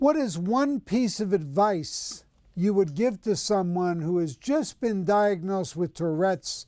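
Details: Adult speaker; normal fluent speech.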